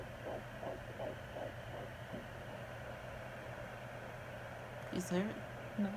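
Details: Fetal heartbeat on home Doppler at 13 weeks of pregnancy, mother suspects twins: rapid, regular whooshing pulses about 160/min fading into probe hum.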